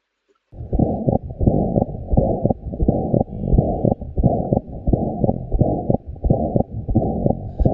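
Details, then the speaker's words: Atrial septal defect murmur at the left upper sternal border: repeating heart sounds with a soft whooshing mid-systolic crescendo-decrescendo murmur and wide fixed splitting of S2. "Other murmurs like here the murmur of the ASD, atrial septal defect. We know that the atrial septal defect, this murmur is present in the left upper sternal border."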